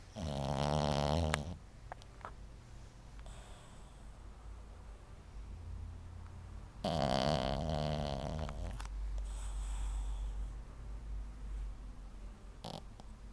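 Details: A small sleeper snoring: two loud, rough, rattling snores about six seconds apart, with quiet breathing and room noise between; ordinary snoring.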